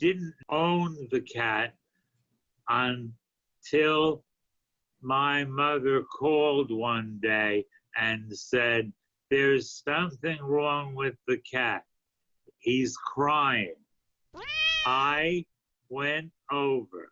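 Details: Adult man with aphasia after a stroke a few years earlier, continuing a story in an intensive reading and writing therapy program; aphasia.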